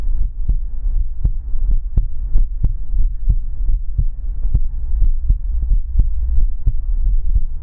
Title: Come into my arms and listen to the sound of my heartbeat